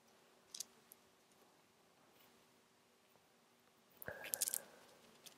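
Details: Adult with a cold after flu, caught from a coworker's sneeze: a short, muffled burst of air and hiss in a quiet room, a sneeze held back with the mouth closed; a stifled sneeze.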